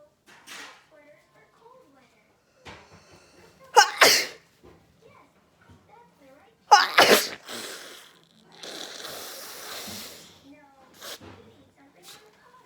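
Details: Two loud, sharp sneezes a few seconds apart with quiet breathing and rustling between; deliberately induced sneezing.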